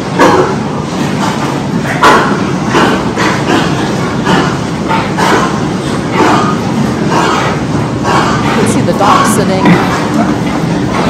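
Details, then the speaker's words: Deep, harsh, repeated hacking coughs from finisher pigs in a noisy Iowa barn during an Actinobacillus pleuropneumoniae (APP) outbreak, with extreme lethargy, pigs down, dog-sitting and cyanosis; porcine pleuropneumonia cough. "if I didn't hear the cough maybe I would think there's something like ventilation failure but that deep packing cough was really indicative to me of disease"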